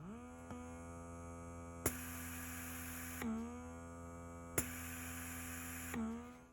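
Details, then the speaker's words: Zomee Z2 rechargeable electric breast pump in expression mode at the highest level: a steady motor hum with slow, deep draw-and-release cycles, about two every five seconds, described as comfortable. "so it's a really slow draw out and a deeper draw and then a gentle release back in and I hope you can hear that on the video but it's a slow draw out and then a slow draw back in which is really comfortable"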